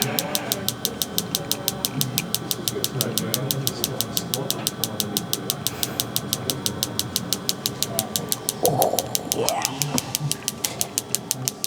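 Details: Focused shockwave therapy device firing rapid, regular sharp clicking pulses (about 72/min) over room noise, applied to the knee for patellar tendinopathy with chronic knee pain; patient reports pain around 7/10.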